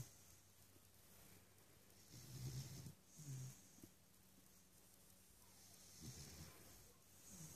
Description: Curly dances and snores in his sleep